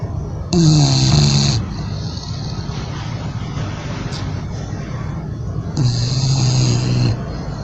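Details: Bulldog snoring while asleep: two loud, low, rattling snores about five seconds apart, each lasting about a second, with quiet breathing between them.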